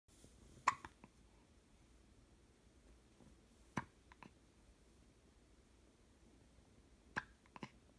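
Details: Infant girl hiccups: soft, sharp hiccups, about three main ones spaced several seconds apart in a quiet room; hiccups.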